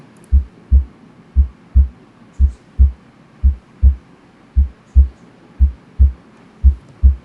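Steady, clear lub-dub pairs at about 57 beats a minute with quiet gaps between them and no added sounds: normal first and second heart sounds.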